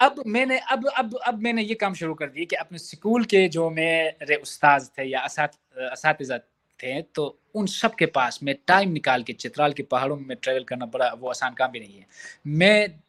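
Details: Adult man in Pakistan who stammers and has worked to fix it, but still stutters at times, for example when his boss is upset with him; stuttering.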